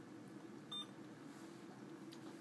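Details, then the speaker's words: Single short electronic beep over steady room hum: keypress tone of an infusion pump as a PCA pump is turned on and programmed, selecting new or old patient, unit and PCA channel. "turn on the infusion pump select whether this patient is new or old then select the unit you will be working in select the pca pump channel"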